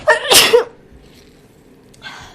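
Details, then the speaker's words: Single loud, voiced sneeze with a sharp explosive release, then quiet room noise; the person says "Bless me, sorry about the sneeze," from a sneezing compilation. "I'm sorry. Bless me. Sorry about the sneeze. I think I'm gonna sneeze."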